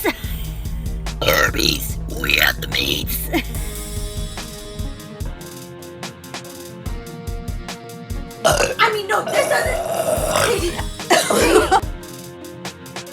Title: Girl Burps